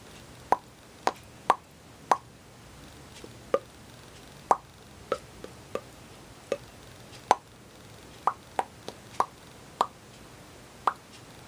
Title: (Autism) My most annoying stim: Lip popping noises